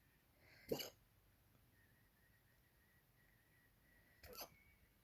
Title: hiccups in bed